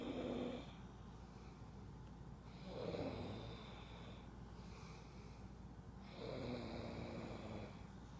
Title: Airplane snoring